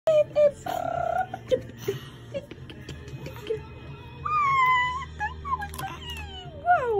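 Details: 4-month-old baby getting ears pierced: short, high-pitched wailing cries with music and voices in the background; crying in pain.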